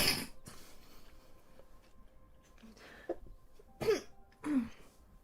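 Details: Chinese girl with allergy: brief wet sneeze, then a few soft sniffs and throat-clearing sounds in a quiet room; allergic sneezing.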